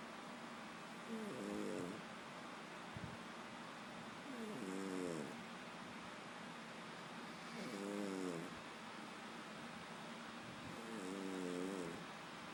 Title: Peanut snoring